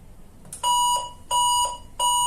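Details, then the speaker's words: Alarm from a 400-watt electrosurgical unit switched to monopolar mode with no patient plate attached, showing error code E01: three long, steady high-pitched beeps repeating about every second. "The equipment is alarming and showing error code E01 on the display and the alarm indicator here is lighting."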